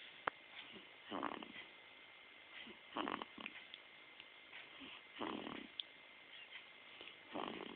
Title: Snoring.3gp